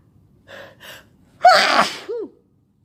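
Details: Sick person sneezing all day with a headache, during an intense sneezing fit: two quick inhaled gasps building to one loud, forceful sneeze, then a brief voiced sound.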